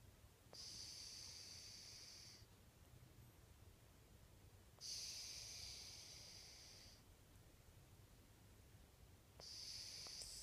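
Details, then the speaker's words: Snoring during sleep, recorded while the person was asleep all day. "You were snoring."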